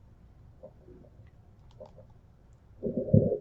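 Soft, irregular gurgles and clicks, ending in a louder rumbling gurgle, from a simulated abdomen: normal active bowel sounds in the right upper quadrant.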